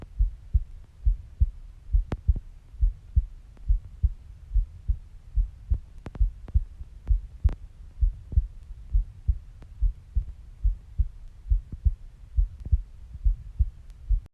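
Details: Adult female's steady, regular heartbeat, low thumps at about 70 beats per minute with no added sounds; a normal heartbeat.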